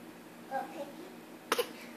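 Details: A child fakes a cough to get a parent's attention: a brief, deliberate double cough after a few soft vocal sounds.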